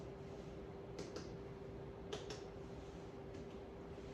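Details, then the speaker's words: Adult male, nursing head-to-toe assessment: paired soft percussion taps over all four abdominal quadrants after normal active bowel sounds, giving dullness over the organs and tympany throughout; normal abdominal percussion (dullness and tympany). "Okay, so dullness is heard over his organs and tympany is heard throughout."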